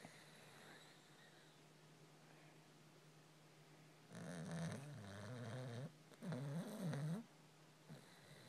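Quiet breathing, then two long, fluttering, rattly breath sounds; a puppy snoring in sleep.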